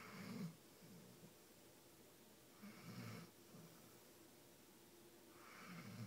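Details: Soft, regular snoring, about 20 breaths a minute, with a low rattle on each breath and a slight snort, while asleep in a hotel; snoring.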